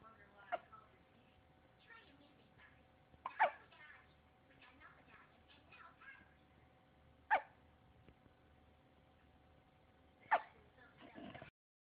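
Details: Hiccups: four abrupt, sharp bursts about every three seconds in a quiet room.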